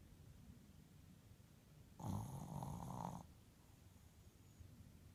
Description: My #puppy #passed-out and #snoring! She's a keeper!